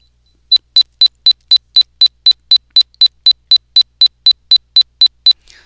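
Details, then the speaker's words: 4000 Hz tone-burst auditory brainstem response (ABR) stimulus, highest pitch of the series: rapid train of about 20 identical short high-pitched tone pips, about four per second. "a sound Herz AB is higher in Pitch than 500 HZ of course or even higher 2,000 [Laughter] Hertz or highest 400 Hertz based"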